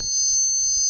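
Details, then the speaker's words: Simulated steady, piercing high-pitched tone meant to mimic a constant sound perceived inside the head that blocking the ears does not stop; the uploader insists it is not tinnitus and says the real tone is much higher. "you can't block your ears and make it go away you can put your fingers in your ears but it doesn't help the sound is still there in your head"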